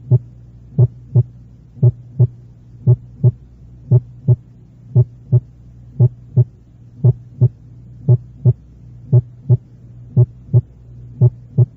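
Regular paired heart sounds at about 57 beats a minute, with a sharp first sound louder than the second: loud first heart sound with short PR interval.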